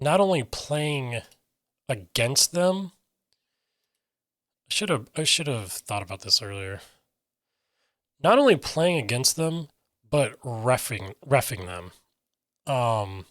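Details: Aphasia in an adult man who reports difficulty getting words out and sometimes substituting other words.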